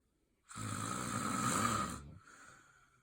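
A single loud, rough, rattling snore on an inward breath, lasting about a second and a half, then quiet. Snoring.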